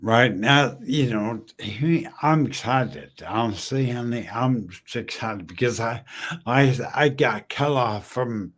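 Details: Adult male 14 years after a stroke from a brain aneurysm, initially totally mute, who still smashes words together and uses slowing down and over-articulating as strategies; post-stroke dysarthria.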